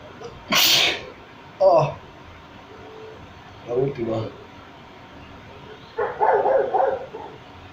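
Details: A self-provoked sneeze at home, triggered with a small stick or wand: one loud explosive sneeze, then short voiced sounds and talk in the background.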